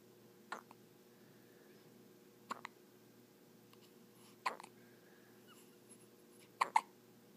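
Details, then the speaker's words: Hiccups in a 5-day-old newborn baby boy: four brief, sharp hiccups about every two seconds, some with a quick second catch, against a quiet room hum. "Poor baby has the hiccups."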